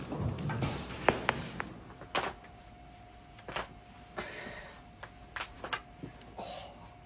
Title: Crunchy Back Cracks from Tik Tok